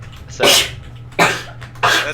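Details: Three quick, forceful sneezes in a row over room noise, from a sneezing compilation; sneeze.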